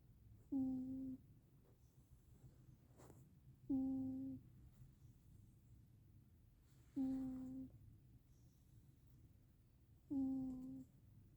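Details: Sleeping cat: four soft, tonal, humming snores about three seconds apart, around 19 a minute, in a quiet room; snoring.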